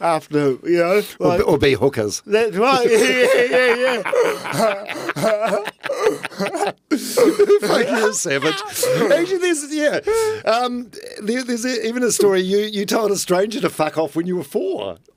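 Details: Adult speakers in conversation; typical conversational speech.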